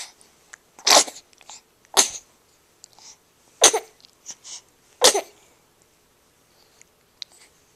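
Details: Four sharp, hissing sneeze bursts in a row, with small snorts and sniffs between; sneezing.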